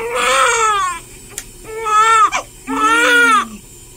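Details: Three loud, high-pitched crying bursts with short gaps from a 13-hour-old newborn girl during her first hospital sponge bath by a nurse; real, not reborn; healthy newborn cry.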